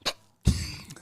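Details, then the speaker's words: Single ordinary adult cough during a conversation: a brief soft burst, then a loud, abrupt cough with a rough, noisy tail. "can you mute this while I cough that's fine cough if you don't want to hear it block your ears it's a good cough"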